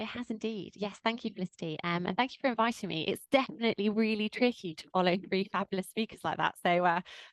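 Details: Adult woman; typical fluent speech.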